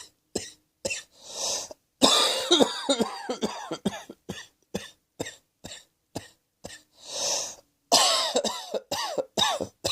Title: Cross Dressing Coughing 37